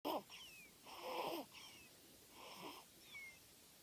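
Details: Snoring during sleep "like an old man": irregular noisy breathing bursts with faint whistling tones.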